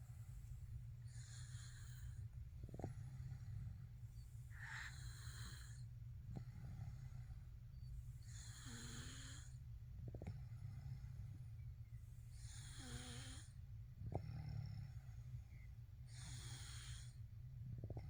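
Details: Baby snoring: soft, noisy breaths with a faint snoring rattle roughly every four seconds over a loud steady fan-like hum; light infant snoring.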